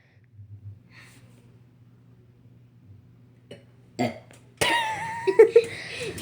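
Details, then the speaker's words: A loud, drawn-out burp after quiet moments, followed by short throaty bursts, from a person who has both hiccups and burps; an ordinary belch. "I have the hiccups right now. Hiccup. No. I have the hiccups and the burps."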